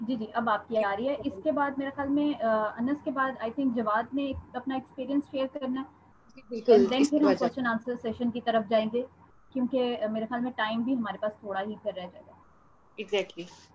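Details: Adult woman; normal speech.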